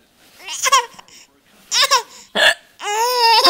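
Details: Sharp, abrupt voiced gulps from an adult mother's hiccups, each followed by bright infant giggles as the baby laughs at her: hiccups.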